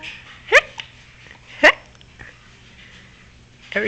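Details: Infant hiccups after almost crying, while being comforted: two short, sharp gulping hiccups about a second apart, with soft room noise.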